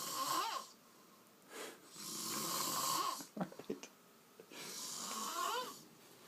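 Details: Snoring in a man asleep on a couch after drinking: harsh, rattling snores on long breaths with a brief snort between them, about two dozen breaths a minute.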